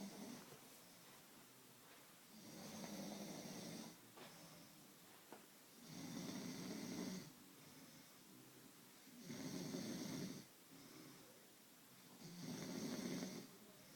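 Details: Person sleeping: four rough, rattling snores at a steady breathing pace of about 18 per minute, with quiet pauses between them in a small room.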